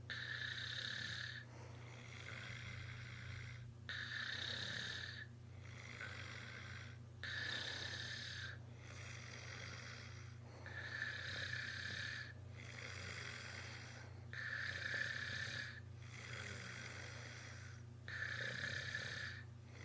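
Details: Snoring, described as very loud: regular breathy snores with a faint whistling edge on each breath, about 7 breaths in 20 seconds, over steady low room hum.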